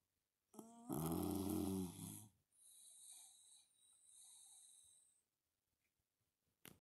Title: Snoring Dog